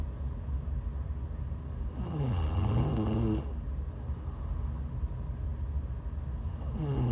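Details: Live-streamed sleep recording of a sleeper who is sick: low rattling snore on an in-breath, partly masked by a steady background rumble like a vehicle or fan; snoring.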